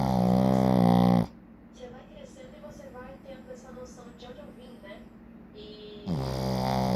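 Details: Sleeping Shih Tzu: loud, rumbling nasal snores open and close the clip, with quieter television talk between them; ordinary snoring.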